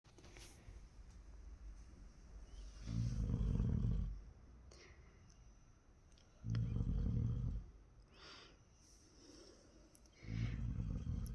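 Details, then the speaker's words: Child who snores every night after falling asleep, recorded at 2:47 a.m. lying turned over beside father: three loud, low, rumbling snores on the in-breath about every 3.5 seconds, quiet breathing between; snoring. "প্রত্যেকদিন রাতে ঘুমানোর পরে এরকম sound বের করে এখন বাজে হচ্ছে 2:47 রাত্রিরের আর এখন ও এরকম উল্টে শুয়েছে পাপার কাছে আর নাক টাপছে"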